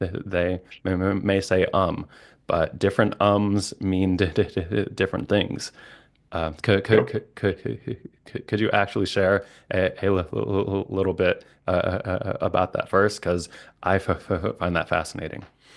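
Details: Stuttering with repetitions and blocks in an adult male speech-language pathologist who stutters.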